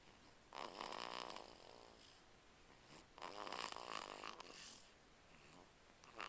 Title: Snoring.MP4